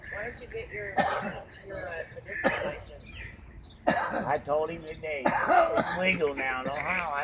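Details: Adult man coughing badly again: repeated harsh, wet-sounding coughs with voiced, strained sounds between bursts; severe cough.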